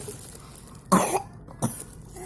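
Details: An infant sick with flu and a cough gives two short coughs, the first louder and slightly drawn out, the second brief, while being given medicine; cough.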